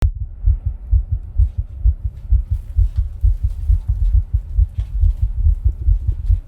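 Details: Own heart sounds recorded while rebreathing from a plastic bag: loud, fast, regular low thumping at about 130 beats a minute with rustling contact noise, a quickened heartbeat.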